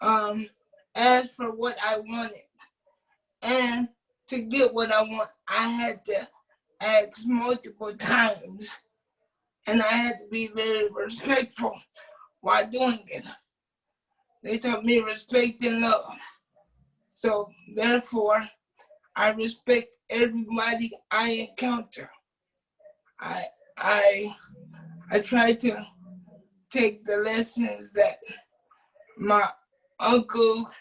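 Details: Adult man with cerebral palsy who uses a wheelchair, whose family was told by doctors at birth that he would not be able to speak; dysarthric speech in cerebral palsy.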